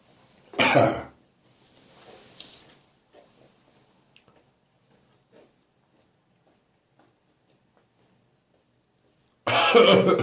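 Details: Productive cough with gagging, which went on through morning, evening and night until phlegm came up: two harsh, forceful coughs separated by a quieter throaty, breathy stretch.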